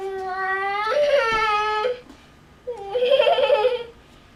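Two long voiced wailing cries, rising and strained, with a pause between; an ordinary infant cry.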